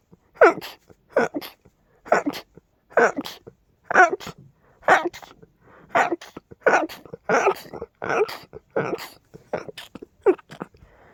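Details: Rapid fit of big, loud sneezes, attributed to dust and pollen: about fourteen sharp, explosive bursts under a second apart.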